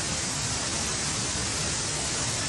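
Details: Simulated tinnitus: a steady hiss of static, one of the common sounds of tinnitus.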